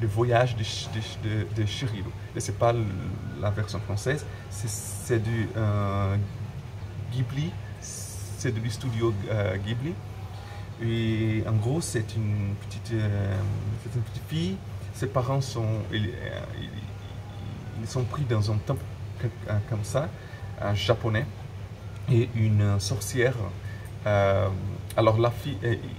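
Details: Adult French-speaking man who stutters and currently speaks fairly fluently, so he may not stutter in this recording, though he still identifies as a person who stutters; stuttering.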